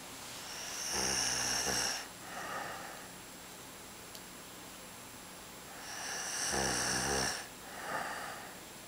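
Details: A man showing how to snore: two loud, rattling snores with a softer breath after each, about six seconds apart, over steady room hiss.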